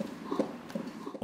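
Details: Brief run of soft, rapid, evenly spaced thumps, a young hospital patient's heartbeat recorded through a stethoscope by a music therapist at a children's hospital.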